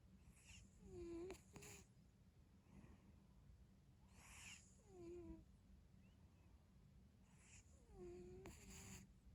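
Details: Pet cat snoring while sleeping: slow, soft rasping breaths, each ending in a short high whistle, about 17 per minute.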